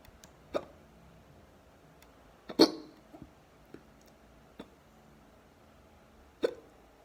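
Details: Deep hiccups: abrupt, sharp gulping hiccups, four louder ones with a few fainter catches over about seven seconds, in a quiet room.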